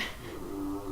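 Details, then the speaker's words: Brief, low rumbling snore with a faint tonal buzz from a sleeping dog, tired after a walk, about 5 feet from the microphone in a quiet room: ordinary snoring. "Yeah, you can hear Bernie snores. Ugh. Gabe took her for that walk that I say that we usually do, so she's out."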